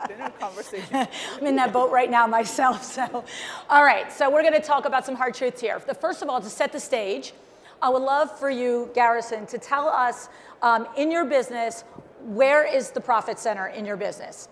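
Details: Adult woman; Normal speech.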